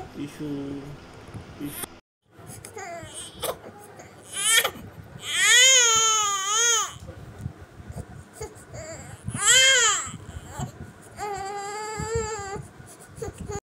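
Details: Loud high-pitched wailing cries from a newborn with softer whimpering between, an adult shushing; normal newborn crying.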